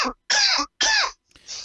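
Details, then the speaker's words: Three loud, harsh, partly voiced adult cough bursts in quick succession, then a softer trailing sound; a plain cough. "And that cough right there, still not me."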